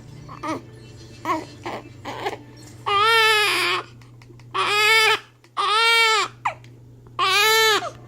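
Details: Infant boy with hiccups and gas after feeding: short whimpers build into four drawn-out, high-pitched wails with breaths between, over a low room hum.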